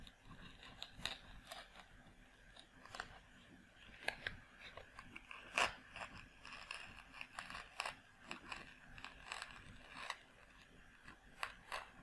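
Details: Close crackling, scraping and crunching in the ear canal as instruments work loose and remove ear wax.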